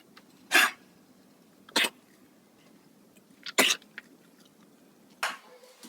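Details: Dog with kennel cough: four short, harsh, dry coughs spaced a second or two apart.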